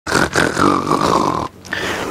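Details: Heavy snoring: a loud, rattling, droning breath lasting about a second and a half, then a brief pause before the next.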